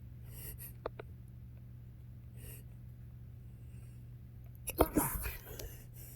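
Quiet room hum, a few faint breaths, then one sharp burst near the end: a single sneeze from pepper dust.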